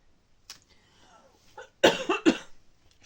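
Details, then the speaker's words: A quick run of about three dry coughs from an adult in a quiet room, with faint handling sounds before: cough. "On t'entend quand tu tousses sur tes vidéos. Bah, c'est le but. C'est comme on entend. C'est le but, c'est que vous sachiez que je suis en train de tousser."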